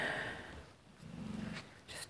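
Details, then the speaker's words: Dog snoring very loudly, picked up by a nearby microphone while someone paints and talks. "if you can hear the dog snoring now I've got this microphone and I don't know this one snowy very loudly"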